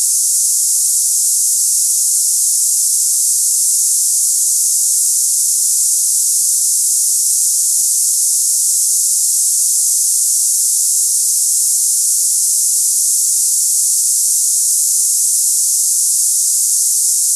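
Steady high-pitched hissing like cicadas, a simulated tinnitus sound for comparing with ringing in the ears.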